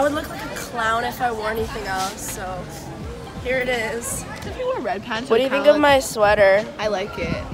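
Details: Young adult speakers in conversation; ordinary conversational speech.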